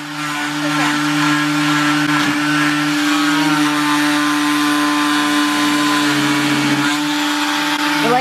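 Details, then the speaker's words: Loud steady motor whine with fixed buzzing pitch, shifting slightly as the blade presses in: oscillating cast saw cutting off a foot cast during recovery; patient says it vibrates and tickles the foot. "Okay. It like vibrates my foot. It kind of tickles."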